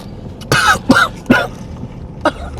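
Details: Man deliberately coughs on his girlfriend's food as a prank, inside a car: three short, forced coughs in quick succession, then a fourth brief one, with car interior noise behind; voluntary cough.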